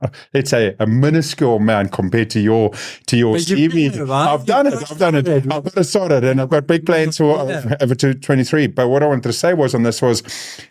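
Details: Adult man with cerebral palsy since birth, a lifelong physical disability affecting the body's movement system, speaking in real conversation; dysarthria (cerebral palsy).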